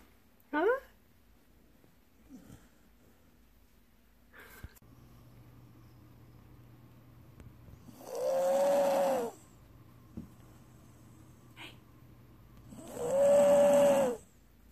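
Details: Snoring: two long, loud rasping snores about five seconds apart, with quiet room noise and faint sounds between them.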